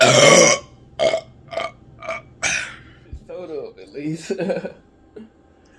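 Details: Repeated burping after drinking Coca-Cola: a long loud belch followed by four shorter burps in a row, then brief speech.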